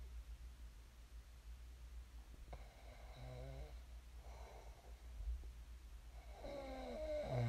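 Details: Sleep snoring of a person who snored and then woke up: soft rasping and snorting breaths over a low steady room hum.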